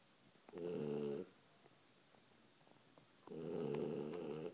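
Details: Sleeping dog, upside down on his favourite chair: two loud, buzzing snores about three seconds apart, with quiet breathing between them; ordinary snoring.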